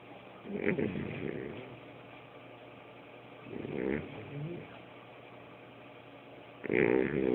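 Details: Pet cat snoring: three rough, rattling snores with quiet pauses between them, about eight a minute, with a soft room hum behind; snoring.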